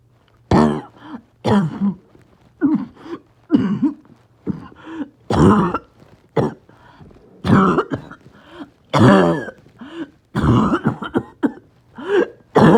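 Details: Coughing spasm in COPD with low oxygen and extreme shortness of breath: repeated harsh, barking, choking cough bursts, about 17 a minute, back to back with strained breaths between.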